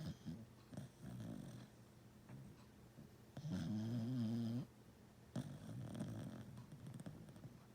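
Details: Sleeping pet snoring: low rumbling, snorting breaths, one with a brief whine-like tone, in a quiet room; snoring.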